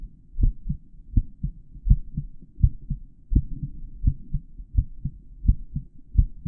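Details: Real recording of a male's normal heartbeat for an auscultation tutorial on the heart valve areas, captured by a microphone inside the stethoscope earpieces, with real-time audio of the heartbeat.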